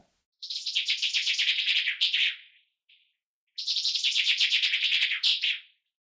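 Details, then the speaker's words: Simulated cochlear-implant hearing (MED-EL Sonnet 2) three months after implantation for single-sided deafness, reproduced through the working ear: two bursts of rapid, high bird chirping with a slightly synthetic, buzzy tone, described as well received by the implant. "Because chirping birds are really well received by the implant and processed by the processor, and a barking dog, for example, sounds, well, not exactly like a dog."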